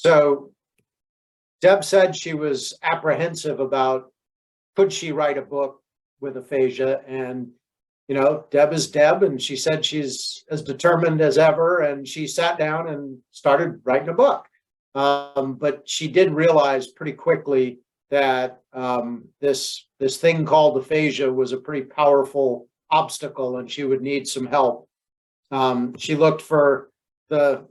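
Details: Adult speaker; normal speech.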